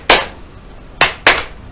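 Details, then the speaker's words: Spoken imitation of heart sounds, not a real recording: one sharp click, then a close pair of clicks, mimicking the second heart sound splitting on breathing in. Physiological splitting of the second heart sound. "another thing that happens is when you breathe in it stretches the blood vessels around your lungs and the you get splitting and there's a second heart sound sort of growing like that it goes"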